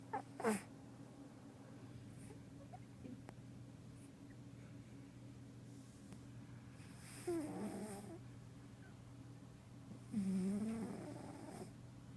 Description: Caught my kitty sleeping and snoring!